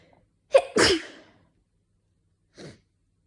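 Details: Winter sneezing in a person with slight dust allergy: a single loud two-part sneeze, sharp intake then explosive burst, then a brief soft sound.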